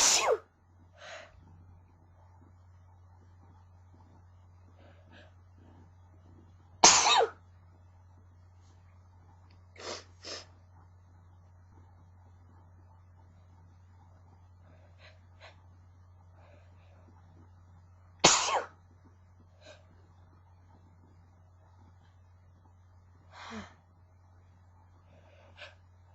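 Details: Person who is sick with a sneezing fit: repeated sharp sneezes several seconds apart, with false starts, quieter half-sneezes, sniffs and nose-blowing over a low hum; sneezing fit.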